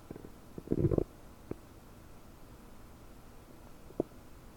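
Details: Loud bubbly, gurgling bowel sounds (borborygmi) with brief pops from gas moving through a bloated gut, about 9 hours after eating 30 prunes, recorded with a desktop microphone.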